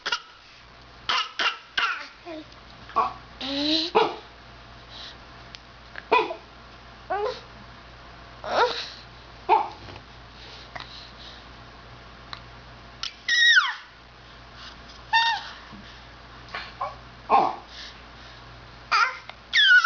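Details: Short, deliberate voluntary fake coughs from a young child with dog noises mixed in.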